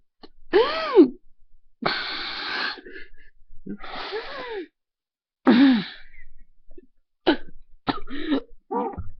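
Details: Harsh coughing bursts with strained, voiced gagging and retching as the airway gives way; person described as dying.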